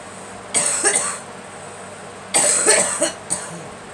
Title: Girl coughing